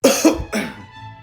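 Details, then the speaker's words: Simulated cough in a comedy sketch, patient coughing on a doctor's request: two short harsh cough bursts with faint music behind. "doctor I'm not sneezing I'm coughing like you asked me to do"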